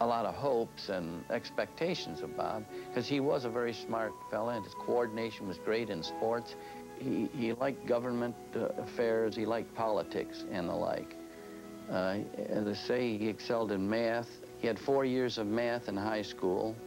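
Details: Adult male speaker; typical speech.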